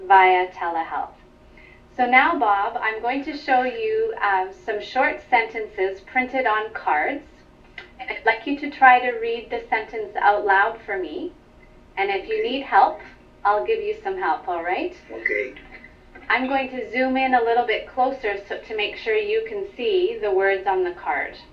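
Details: Adult woman (clinician), remote session; normal speech.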